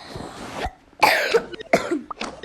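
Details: Child who is ill with a very high temperature, caught at school: four harsh, throaty coughs in quick succession.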